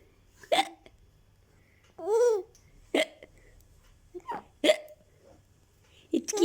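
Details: Mother's hiccups with her baby laughing in reaction: brief, sharp, voiced gulps at irregular intervals, mixed with the child's laughter and babble; hiccups.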